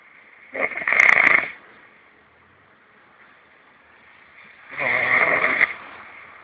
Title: O RONCO THE SNORING